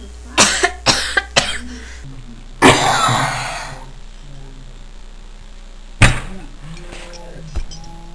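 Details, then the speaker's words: Adult with a nasty cough: a run of several quick, harsh coughs, then a longer rasping cough and a few single coughs; persistent heavy cough. "yeah right just coughing my lungs out here so I just try some lemon juice to get rid of that cough hopefully it doesn't come back"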